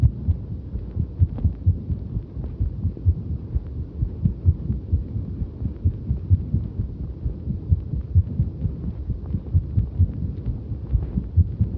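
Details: Heart sounds recorded while exercising on a bicycle; low thumps under heavy rumbling noise, rhythm hard to follow; the person felt quite a number of skipped beats during the ride.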